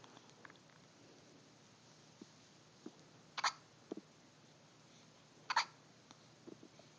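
Two clear, sharp hiccups a couple of seconds apart, with faint clicks and room noise between them; hiccups.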